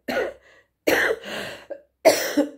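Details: Cough from an adult who has been ill for three weeks with fever, sore throat and severe muscle aches, treated with injections; possibly influenza, though the patient says it feels like something else.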